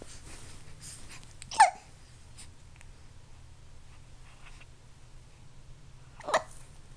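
Two short, abrupt hiccup sounds about five seconds apart in a quiet room.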